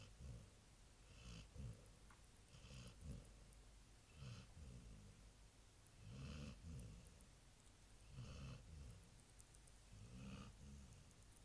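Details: Labrador dog that snores every night while sleeping: soft, low, fluttering snores with each breath, about 10 breaths a minute; ordinary snoring in a sleeping dog.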